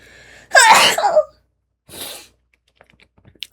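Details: ASMR short of eating a Dubai cookie: a single loud sneeze with a sharp intake and explosive release, then a softer breath out; ordinary sneeze.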